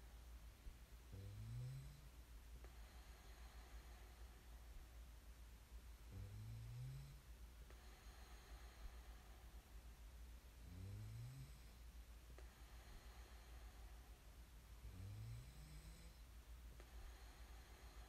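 Regular low rattling snores on each breath in, about 13 per minute, over steady low hum: snoring during sleep.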